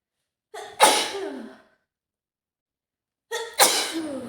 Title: Cold Sneezing (F) | flashbacks of my crazy autumn cold | sneezes | cough | nose blowing